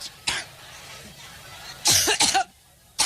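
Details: A woman's coughing fit while speaking in Cleveland, Labor Day 9/5/16, blamed on seasonal allergies: a short run of harsh, repeated coughs after a single earlier cough, with quiet room noise between them.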